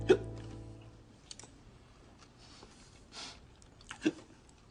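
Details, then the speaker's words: TV sitcom scene (King of Queens) in which a character has the hiccups: two sharp, abrupt hiccups, the first over soft background music. "You got the hiccups. What gave me away? The hiccups?"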